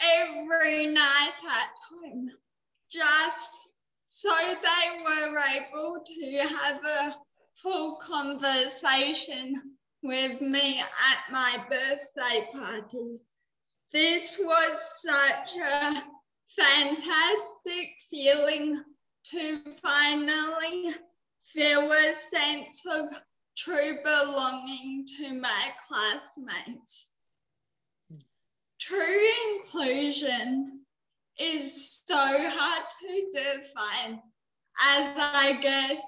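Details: Dysarthria in a 19-year-old woman with cerebral palsy, which she says affects her mouth muscles; she could not walk or talk until age eight.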